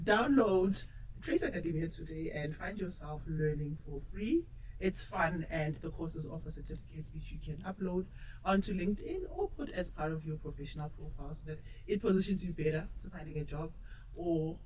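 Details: Adult speaker; normal speech.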